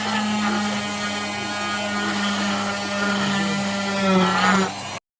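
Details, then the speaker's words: Loud steady motor whine with pitch dips as the blade bites: a cast saw cutting a modern plaster leg cast off a female patient in hospital; she reports the blade slightly scraping her skin and pain, with heat. "ते machine स्किनसाठी घातक नव्हतं पण तरीसुद्धा ते machine पायाला लागून लागून स्किन माझी थोडीशी सोलवटत होती आणि त्याच्यामुळे मला थोड्या वेदना होत होत्या."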